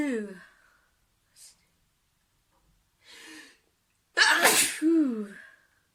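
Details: Breathy inhales building to a loud, explosive sneeze with a voiced ending, then a fading sigh; an ordinary sneeze from a sneezing compilation.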